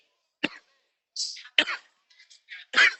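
An adult imitates a series of short, harsh, dry coughs with no wet or rattling quality. This is the dry, non-productive irritative cough of asthma: the irritation arises deep in the bronchial tree rather than the throat, and no phlegm is brought up.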